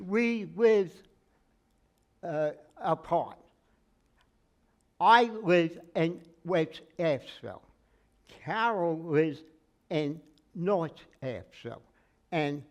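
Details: Aphasia in a man with word-finding trouble, treated with speech therapy including singing; took 3 years to talk; aphasia.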